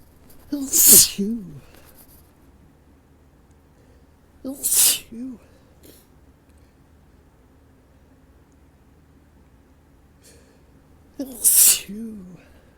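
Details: Three forceful sneezes spaced several seconds apart, each with a sharp intake before it, during rising ragweed and high winds; an exhausting sneezing fit with the sneezes coming stronger and stronger.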